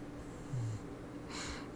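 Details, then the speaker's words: Sleeping pet in her bed under a desk snoring: a quiet, low rumbling snort followed by a breathy exhale in a small quiet room. "oh if I was over here in her bed under my desk over there and she's snoring"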